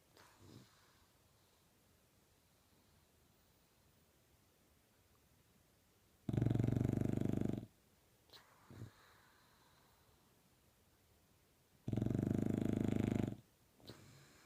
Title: Ronnie the snoring bulldog